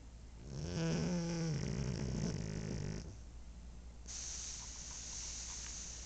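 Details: Sleeping pug snoring: one long, low, rattling snore on the in-breath, then a softer hissing breath out.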